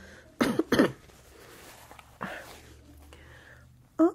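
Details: Cough from an adult getting over the flu or possibly COVID, voice raspy, during a soft-talk ASMR roleplay.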